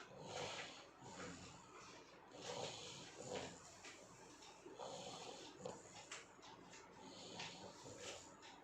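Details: Beagle puppy snoring during sleep: soft, snuffly snores rising and falling with its breathing, roughly 27 breaths a minute, against faint room noise.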